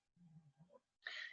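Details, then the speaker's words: A dog snoring while lying on the floor near a microphone, tired out after a long morning walk, heard in the background of speech. "I was gonna say if you can hear some story that's my dog because my mic is here my dog is on the floor and he is snoring away"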